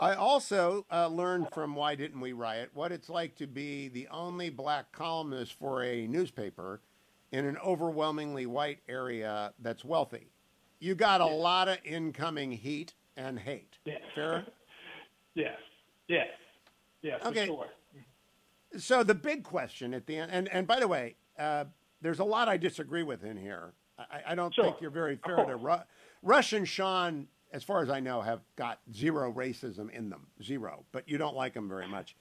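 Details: Adult male speaker, interview; normal speech.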